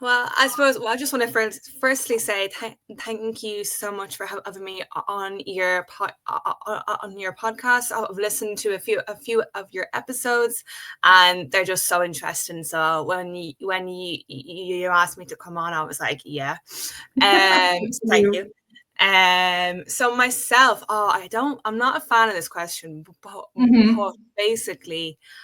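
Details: Adult woman with a real developmental stutter present since age five, speaking spontaneously in English conversation; stuttering.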